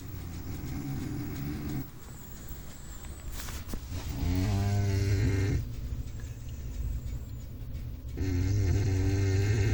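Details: A big pet cat snoring while sleeping. Snoring.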